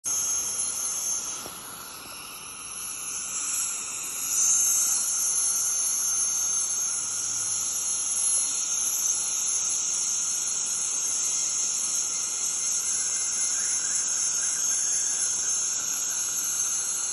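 Steady high-pitched whine with hiss, constant throughout; an ultrasonic scaler running during deep dental cleaning.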